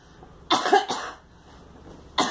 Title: Girl coughing